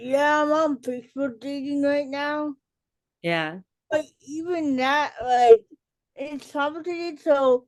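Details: Adult female educator and author with cerebral palsy; dysarthria in cerebral palsy.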